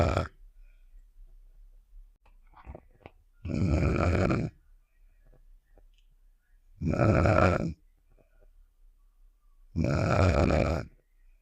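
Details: Simulated cartoon snoring sound effect of the character Star: three long, low, rumbling snores about every three seconds with quiet gaps between.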